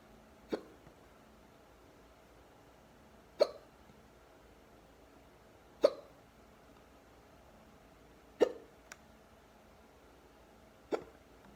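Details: Deep hiccups: five sharp, abrupt hiccups about every two and a half seconds, roughly 25 a minute, against quiet room noise.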